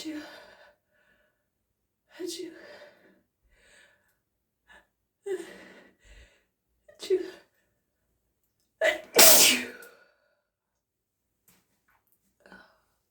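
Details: Repeated spoken "achoo" sounds during a sneeze build-up, one louder and more forceful near the end; mostly imitated rather than real sneezes.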